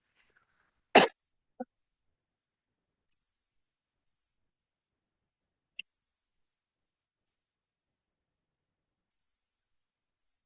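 Two or three deep, effortful coughs with hissing breaths and pauses between them: a chronic wet cough struggling to bring up mucus.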